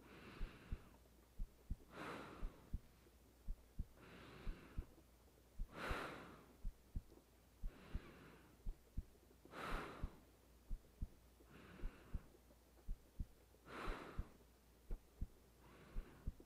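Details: Normal heartbeat of a woman lying in bed, recorded for a sleep audio: steady paired low thumps at about 70 beats a minute, with slow breaths and soft rain behind.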